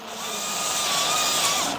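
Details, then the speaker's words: Loud, steady high-pitched grinding whine of a diamond drill cutting the base of the spinous processes during real unilateral biportal endoscopic decompression for two-level lumbar canal stenosis in a patient with claudication at about 200 m. "Then we start with the drilling process with the uh diamond drill. So we drilling the base of the spines for the same every surgery looks the same same standard shapes"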